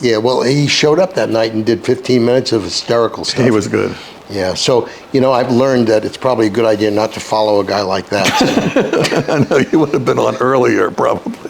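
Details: Adult man speaking in conversation; no speech disorder.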